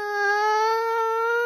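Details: Young child crying: brief, sustained high-pitched, steady tonal wail; an ordinary infant cry.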